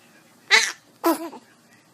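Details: Baby sneezing: two quick, high-pitched sneezes, the second ending in a small voiced sound; a normal infant sneeze.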